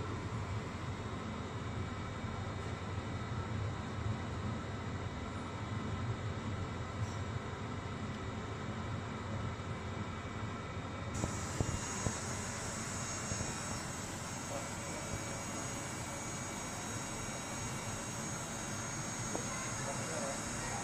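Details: Continuous loud rushing drone of a suction motor drawing air; a Great Star external oral suction unit running during a dental demonstration.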